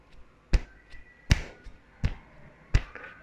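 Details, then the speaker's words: Sharp, regular thumps with softer taps between imitating the normal lub-dub heartbeat, produced as heart valves open and close; normal rate stated as 72 beats per minute. "एक आवाज आती है। इस आवाज को हम कहते हैं लव डब। खुलता है बंद होता है।"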